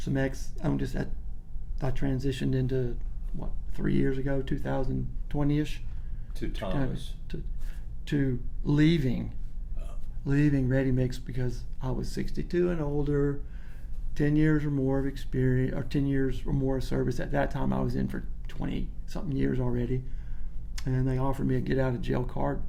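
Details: Adult man, a massive stutterer as a child who outgrew most of it, still stutters a little when nervous or not focused, then corrects himself; stuttering.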